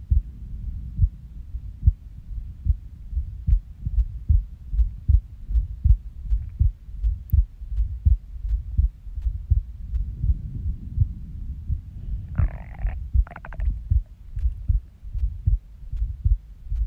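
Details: Resting heartbeat recorded after waking from a nap, with skipping: soft low thumps near 77 a minute, uneven rhythm and occasional pauses consistent with skipped beats; a brief stomach gurgle.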